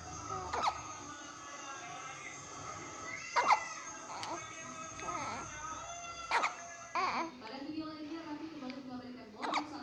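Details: One-month-old baby girl: soft, abrupt hiccups about every three seconds, roughly 20 a minute, with music and baby noises in the background: infant hiccups.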